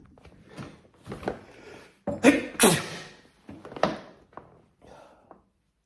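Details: Several quick wet, spluttering sneezes, two loud and forceful, in a run amid soft room sounds.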